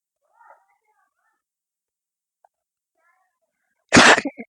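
Near silence with faint murmurs, then one short, sharp sneeze followed by a couple of small trailing sounds. A small ordinary sneeze.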